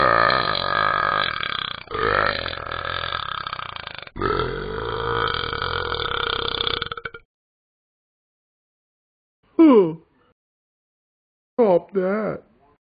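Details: Child burping: several loud, drawn-out voiced burps, then two brief burps after a pause.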